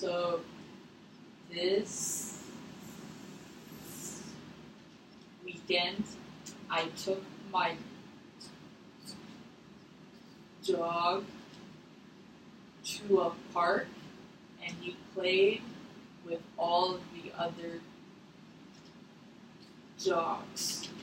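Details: Acted role-play: a 22-year-old client who stutters, talking during a mirror activity in a therapy session; stuttering.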